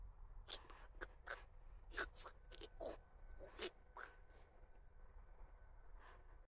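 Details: Man speaking with esophageal speech after surgery for hypopharyngeal cancer; esophageal speech.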